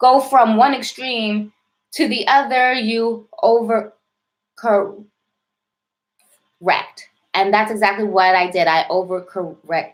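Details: Adult woman with a self-described severe, overt stutter involving heavy blocking; stuttering.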